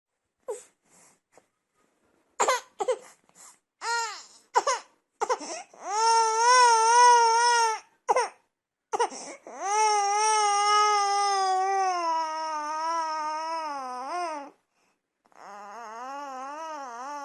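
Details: An 18-week-old baby girl cries: short whimpers build into long, sustained wailing with brief pauses for breath, an ordinary infant cry after making sounds in her sleep.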